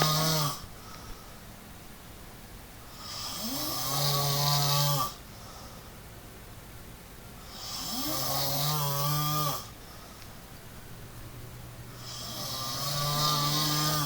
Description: IRISH SNORING MONSTER SLEEPS WITH HIS EYES OPEN :O